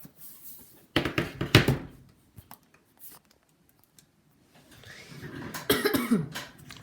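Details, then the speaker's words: Adult man who is a little sick gives two bursts of harsh coughing about a second apart, early and near the end, with faint small clicks between in a quiet room. "i'm a little sick right now so voice isn't going to be the greatest and you'll hear some coughs here and there"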